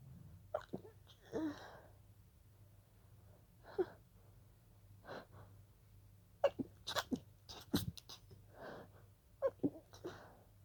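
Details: Stifled sneezing fit that began as a pollen allergy: a run of about ten breathy, held-back sneezes with short inward gasps between them.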